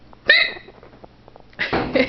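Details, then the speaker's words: A woman with hiccups that water or scaring won't cure is about to try her glass-of-water trick: a sudden sharp voiced gulp, a quieter stretch, then another abrupt catch of breath; hiccups. "so here's my my trick to getting rid of hiccups a glass of water"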